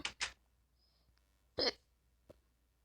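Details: Three abrupt, clipped gulping sounds with pauses between them in a quiet room, from a speaker who says they have hiccups while recording Minecraft gameplay: repeated hiccups.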